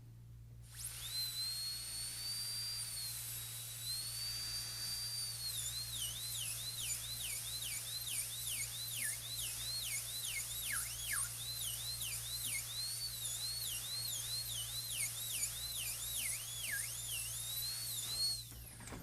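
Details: Shrill steady high-speed dental drill whine dipping in pitch as the burr cuts axial walls from embrasures around grooves in a full gold crown preparation on tooth number 30, keeping burr end at the margin for a chamfer.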